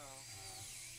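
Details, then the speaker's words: Dental drill sectioning in half a failing implant with peri-implantitis, no bone support and infection, for removal; brief high-pitched whine with grinding edge. "so we've decided to explant it to remove it and the way we've chosen to remove it is to actually section it in half here uh by sectioning it we'll be able to remove it"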